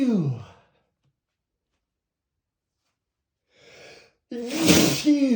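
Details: Spraying sneeze in a male, not stifled: a sharp inhaled gasp, then a loud, spraying sneeze burst.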